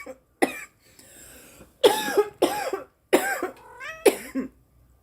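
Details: A girl coughing after smoking cannabis: about six harsh, explosive coughs in a row with brief gasps between, some ending in a strained voiced catch; repeated coughing bout.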